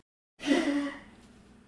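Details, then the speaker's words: Old dog's single short, dry, raspy cough-like burst, likened to an old man's dry cough, fading into quiet room noise. "it sounds like an old man's dry cough or something, bro."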